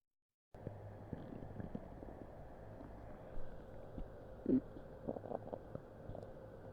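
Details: Human upset stomach recorded on Christmas Eve with a Blue Snowball Ice microphone: soft gurgles and a brief squeaky rumble over a steady low hum of background noise, borborygmi.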